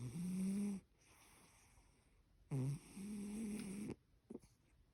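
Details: Sleeping cat, apparently dreaming, snoring: two snoring breaths with a slight whistling, squeaky edge and a quiet gap between them; normal sleep snoring.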